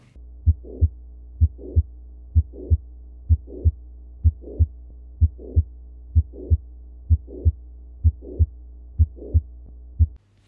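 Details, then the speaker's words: Teaching recording for headphones: a regular heartbeat around 63 a minute with a soft murmur rising late in systole, just before the second sound: a late systolic murmur. "Now, the third type of systolic murmur are the late systolic murmur. And this is how it is heard."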